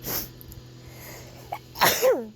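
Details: A sneeze on a hot summer day while tent camping in the Australian bush.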